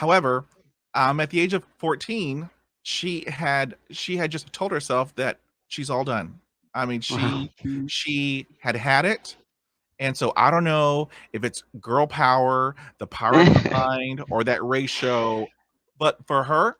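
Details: Man of about 50 who has stuttered since a dog attack with head injury at age five; the stutter was initially severe; he had speech therapy in the 1970s and uses tapping and accents to get through blocks; stuttering.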